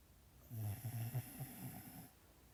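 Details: Sleeping dog: a single low, rattling snore on an in-breath with fluttering vibration; ordinary snoring.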